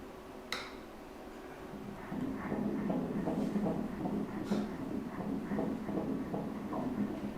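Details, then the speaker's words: Fetal heartbeat on prenatal ultrasound at 15 weeks 5 days, breech baby, about 120 g, male: rapid, regular whooshing pulses at 158 beats per minute. "O le tātā o le fatu i le selau ma le... 158 BPM"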